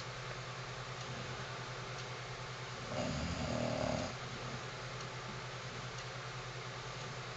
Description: This is my first english bulldog, Missy, she has brought me 9 years of joy and I love her to pieces, but she does snore like a freight train!